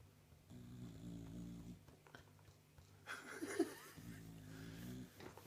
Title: My Snoring Bulldog !